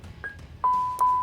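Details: A LUCAS automatic chest compression device powering on after its green button is pressed, in a teaching demonstration: a short beep, then two steady electronic tones.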